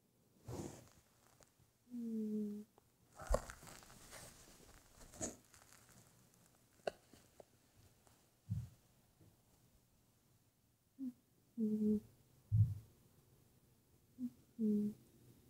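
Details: Soft, low, droning snores from Hobbes, a sleeping cat, recurring at irregular intervals in a quiet room: cat snoring.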